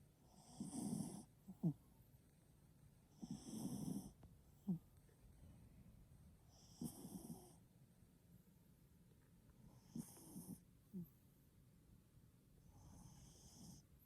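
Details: Sleeping Chihuahua (possibly Pomeranian-Chihuahua mix) snoring loudly: rough, rattling snores with each breath, about 20 a minute, some followed by a short snort or whistle.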